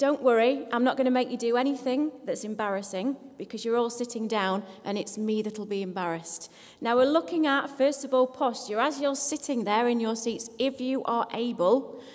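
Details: Adult woman speaking to an audience; Normal speech.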